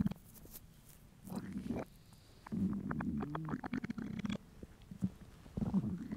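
Low gurgling rumbles in several bursts with bubbly crackling between them. Hunger bowel sounds from an empty stomach.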